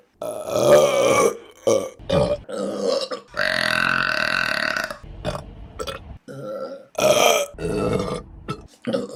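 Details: Burping compilation: several loud, drawn-out throaty belches from a person, one after another; burping.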